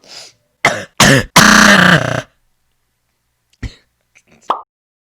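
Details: Streamer coughing repeatedly while insisting he is not sick, citing a negative COVID test a couple of weeks earlier; coffee not helping. Several quick harsh coughs and throat clearing in a row, then faint clicks and mouth noises.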